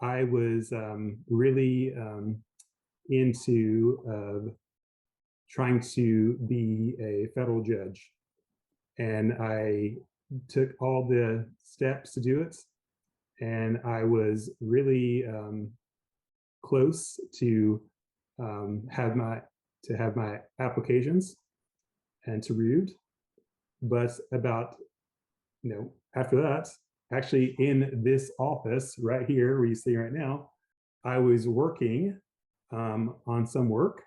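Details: Aphasia after a stroke in an adult man, a lawyer; initially global aphasia with speech limited to "yes," now recovered in part.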